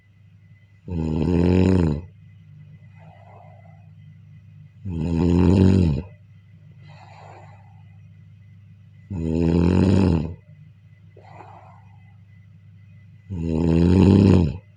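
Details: Loud, vibrating inspiratory snores during sleep, about 14 a minute, each followed by a soft out-breath over a faint steady hum; regular snoring.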